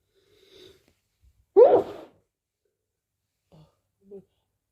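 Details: A person repeatedly announces 'I need to sneeze', with false starts; then a faint intake, one sharp explosive sneeze and two small sniffs. A single sneeze.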